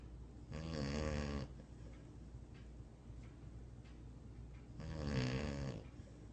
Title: Cute Dog Snoring in sleep